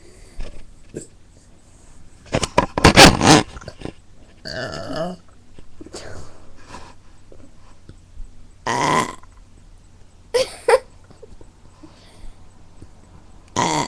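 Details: Repeated deliberate burping: several loud, throaty belches with voiced rumbling and quieter sounds between them.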